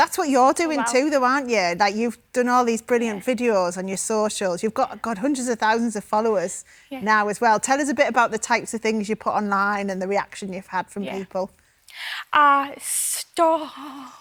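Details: Adult woman speaking; ordinary speech.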